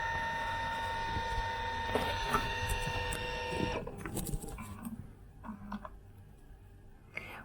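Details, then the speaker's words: B. Braun Perfusor syringe pump self-test at power-on: steady tonal electronic hum with soft clicks and mechanical movement as the drive head extends, then quieter clicks and a short beep; pump checking it is able to run. "as that's extending you'll see here that it sounds self-test active so this is actually just doing a self-test within the pump to make sure that this pump is able to run"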